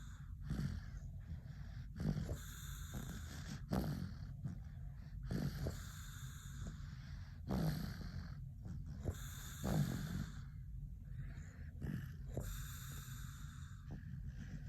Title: When my dad snore I snore too